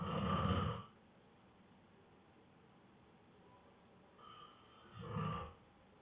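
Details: Boyfriend exhausted after a long workday, snoring immediately on falling asleep: two deep, rough, low rattling snores on the in-breath, separated by a long quiet pause; heavy snoring.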